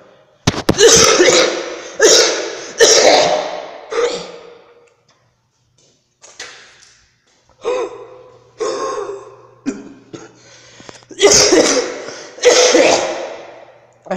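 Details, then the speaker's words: Adult with a lingering cough from a cold about a week old, sore throat and stuffy nose already gone: about ten forceful, harsh coughs in two clusters. "I still have the cough, as you can hear. The cough is still there, and it's only been a week, so I'm hoping, really, really hoping that it goes away soon."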